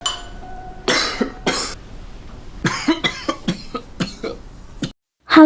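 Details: Acted adult male coughing spell in a drama scene, character sick with high fever and hospitalized: two harsh coughs then a rapid run of about eight short coughs, faint room tone; cough.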